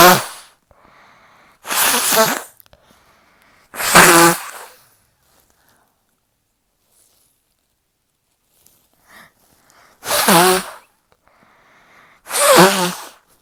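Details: Four forceful, explosive sneezes with quiet gaps, from a stubborn nose, with honking nose blowing but no snotty blows; ordinary sneezing.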